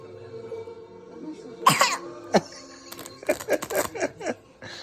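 A child gives a series of short, forced coughs over faint background music, a put-on rather than genuine cough.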